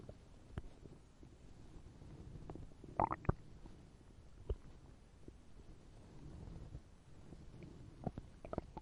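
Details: Hungry stomach growling (borborygmi) from a sound-effect recording: low gurgling rumbles with brief bubbling pops.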